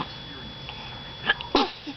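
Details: 10-week-old baby gives a quick, high-pitched sneeze after a short intake of breath, against quiet room noise; sneeze.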